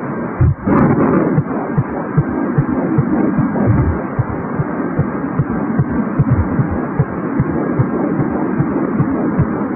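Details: Fetal heartbeat at 14 weeks of pregnancy, recorded with a home Doppler ultrasound device: fast, steady whooshing pulses, about 150 a minute, under a continuous hiss; strong fetal heartbeat on Doppler.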